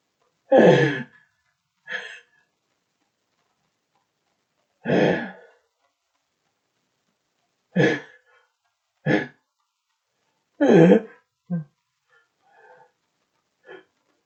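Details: Several short explosive sneezes in a quiet room, some stifled as the sneezes are held back, followed by fainter sniffles; person reports a stuffed-up nose.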